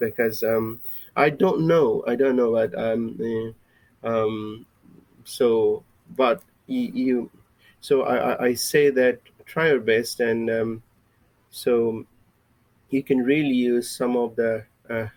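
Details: Adult male with a lifelong stammer; a recovering stammerer using breathing techniques from a Starfish recovery course, who uses a speech synthesizer for lectures; real, unscripted speech showing stuttering.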